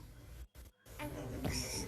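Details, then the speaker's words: Infant with congenital laryngomalacia: brief high-pitched, slightly musical inspiratory stridor, typical of the condition, which begins in early weeks of life, peaks around 6 months and worsens with agitation, crying or feeding. "Nah, pada saat inspirasi bisa di dengar ada eee high pitch high pitch stridor ya, jadi ada slightly musical karakteristik pada stridor di laringomalasia. Jadi hih, gitu ya. Pada saat inspirasi ada suara eee stridor high pitch."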